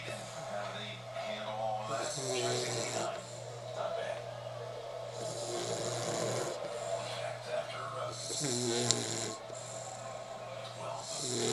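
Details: Sleeping puppy snoring: soft, rasping snores repeating irregularly under a steady hum and faint music, ordinary snoring.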